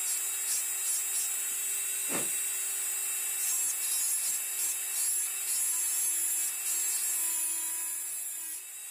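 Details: Dental high-speed drill reducing the occlusal half of the buccal surface with slight lingual tilt on a typodont mandibular first molar (tooth 36) for a full veneer crown: steady high-pitched whine with grinding pulses.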